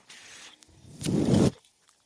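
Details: The speaker's own mechanical ventilator, heard while he talks: a soft airy hiss, then a louder rushing whoosh of about half a second that cuts off sharply as the ventilator cycles.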